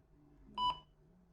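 A single short electronic beep from a syringe pump keypad as a setting is entered, over faint room hum.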